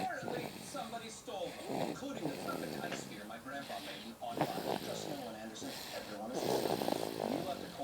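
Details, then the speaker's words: A sleeping baby girl snores epically, with repeated loud, rattling, vibrating, snorting snores on each breath while her tongue is stuck to the roof of her mouth: infant snoring. "It's funny. She's snoring epically."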